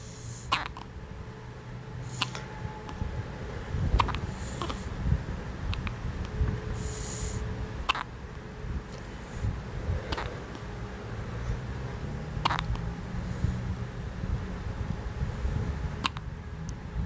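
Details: Baby with hiccups: sharp, brief catches about every two seconds, roughly seven in the stretch, over steady room noise.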